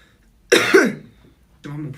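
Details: A K-pop singer: a sharp, abrupt double cough from an adult with a trailing voiced tail, followed by a brief spoken sound; plain cough.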